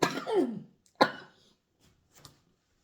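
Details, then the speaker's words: Adult woman recovering from a sore throat/laryngitis gives two loose, rattly coughs, then a faint third, bringing up mucus: a productive cough, contrasted with a dry cough. "I'm so sorry but you hear the the difference with a productive cough and when the cough is dry that's hard"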